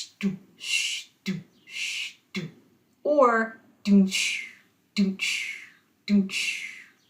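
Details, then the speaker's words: Vocal imitation of a heart murmur during a basic cardiac anatomy lecture: a low thump followed by a long swishing 'shh', illustrating that murmurs sound like a swish, in contrast to normal heart sounds and gallops. "murmurs sound more like a swish like shh"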